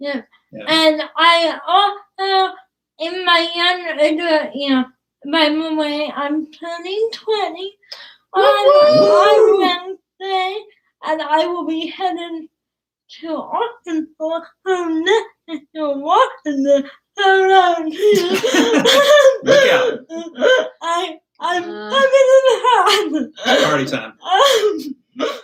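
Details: Young woman about to turn 20 with cerebral palsy, whose speech is described as hard to understand, with trouble on plosive sounds such as p and b; dysarthria due to cerebral palsy.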